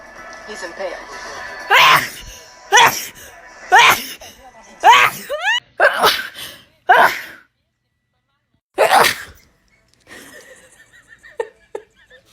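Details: Seven sharp, explosive sneezes, each preceded by a quick inhalation, then a quiet tail of faint sounds; a run of sneezes from a short sneezing compilation.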